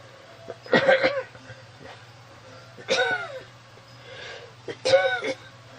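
Three short, harsh coughs with a voiced tail, about two seconds apart, over a low steady hum: a plain cough.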